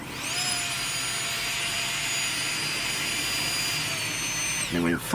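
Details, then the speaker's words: Saeyang Marathon N7 brushed dental laboratory micromotor with SH37LN handpiece, speed set about 20,000 rpm, peaking as pedal pressed; steady high-pitched whine holding one speed, then winding down; dental laboratory micromotor running. "you set your speed so half about 20,000 rpm and as you slowly press down it will peak at the speed you've set there"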